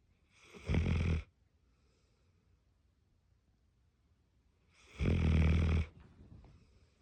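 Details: Loud, rasping snores about four seconds apart, quiet between, from a sleeping Tibetan Mastiff puppy; ordinary sleep snoring.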